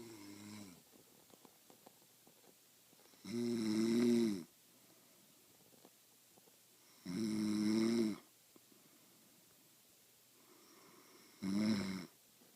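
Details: Female friend who denies snoring, recorded asleep: steady, buzzing snores about 16 a minute, each lasting about a second, with quiet breathing between, in a quiet room.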